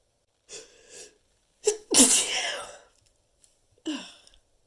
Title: a few stifled sneezes